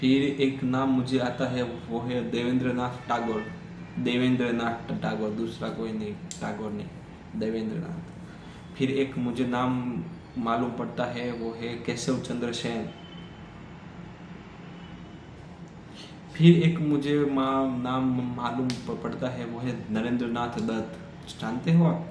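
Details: Adult man who stammers, speaking Hindi on day 7 of a daily fluency practice routine with breathing exercises; he stammered earlier that day on the phone; stuttering.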